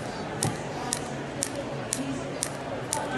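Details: Sharp, evenly spaced clicks about twice a second from a Storz SPINE-ACTOR forked radial shockwave transmitter on an Olympic athlete's tight thoracic spine, mobilizing vertebral joints in a flexed position, with faint room noise; radial shockwave device firing.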